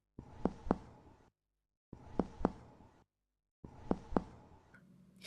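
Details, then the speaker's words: Dull percussion note: three sets of paired soft muffled taps, moderately loud, lower-pitched and longer than a flat note, typical of solid or fluid-filled areas. "these sounds are typically heard over solid or fluid-filled areas"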